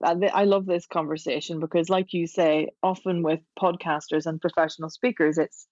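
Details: Adult speaker; normal voice.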